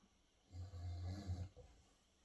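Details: Miniature schnauzer snoring while asleep: a single low, rumbling snore lasting about a second in a quiet room.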